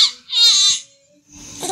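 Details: Baby, looked after by the father while seeking the mother, gives a brief, high-pitched cry burst followed by a quieter, rougher vocal sound: infant crying.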